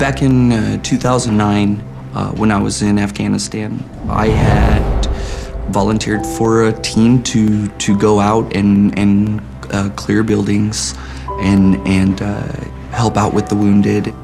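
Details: Adult male talent-show contestant with repeated words and syllables; he attributes his stutter to a grenade brain injury in Afghanistan, a story news reports later called false; stuttering.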